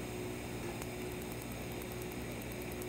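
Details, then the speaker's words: Q-switched laser tattoo removal at about 10 pulses per second over a tattoo with black and green ink, treatment under a minute and painful: rapid faint snapping clicks over steady cooling-air hum; skin frosted. "it hurt it hurt but I mean the the whole treatment was less less than a minute and you can see you know I mean really really where we got a good result where we got great um you could hear the snap it frosted up but not too much"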